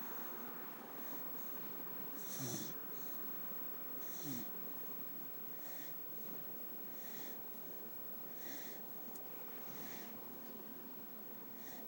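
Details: Old dog snoring in sleep: soft, snuffly snoring with occasional snorts over steady room noise.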